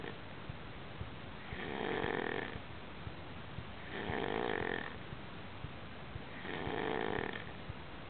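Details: Snoring during sleep: three slow, rough inhaled snores about 2.5 seconds apart, roughly 24 breaths a minute, over steady room noise.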